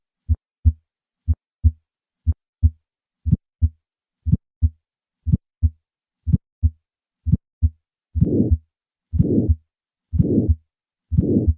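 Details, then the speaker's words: Aortic stenosis at about 60/min: normal heart sounds, then an early systolic ejection click, then a harsh systolic murmur; the click localizes obstruction to the valve and strongly suggests a bicuspid aortic valve. "The presence of an ejection click localizes the obstruction to the valvular level and strongly suggests the presence of a bicuspid aortic valve. I will begin with normal heart sounds and then add the ejection click and then the murmur of aortic stenosis."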